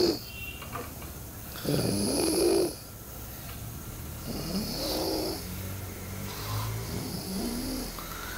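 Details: Rough, rattling snores on each breath in, about 24 breaths a minute, slightly irregular: snoring.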